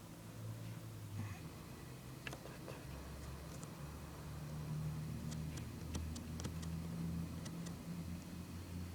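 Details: CPAP machine from 2007 running at full prescribed pressure during a mask fit test, as when fully ramped up at night: steady low motor hum with a few faint clicks.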